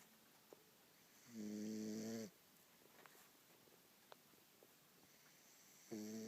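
Two tonal, buzzing snores about five seconds apart against quiet room noise: snoring.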